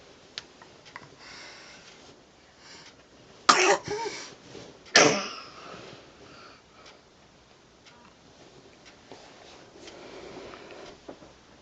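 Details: Dog coughing: two harsh, forceful coughs against a quiet room background.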